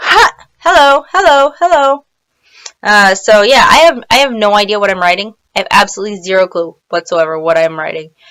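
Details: Person with Tourette syndrome; repeated interjections such as 'hello hello hello' occur mid-speech; vocal tics (Tourette syndrome).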